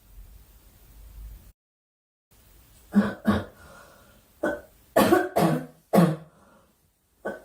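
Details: Young woman during a live stream: six or seven short, dry cough and throat-clearing bursts in uneven groups, quiet room.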